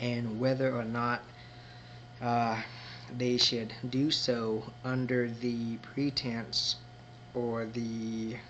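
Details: Adult man who identifies himself as a person who stutters; stuttering.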